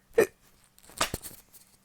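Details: Persistent, bothersome hiccups at night: two abrupt, short gulping catches of breath about a second apart in a quiet room.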